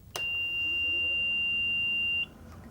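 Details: A single steady, high-pitched beep lasting about two seconds as a home oxygen concentrator, for a patient prescribed 2 litres of oxygen, starts up; it then falls silent with a green light once running normally.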